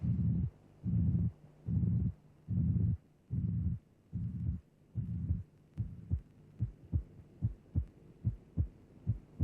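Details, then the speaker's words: Simulated heart at about 73 beats a minute: a flat, constant-amplitude pansystolic murmur obscures both heart sounds, with a hint of the second sound at its end. The murmur is turned down, then restored; pansystolic murmur. "Notice that the sound envelope is flat. The murmur has constant amplitude. The murmur is pansytolic. It is obscuring both heart sounds."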